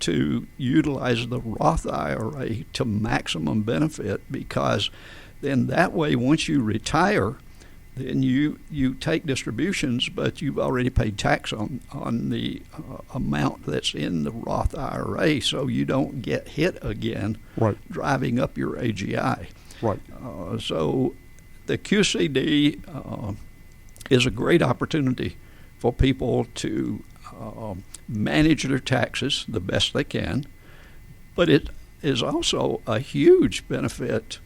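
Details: Adult man with adductor spasmodic dysphonia, a rare neurological voice condition with onset around 1999-2000: laryngeal muscle spasms slam his vocal folds together, so speaking takes more effort; treated with botulinum toxin injections below the Adam's apple; adductor spasmodic dysphonia.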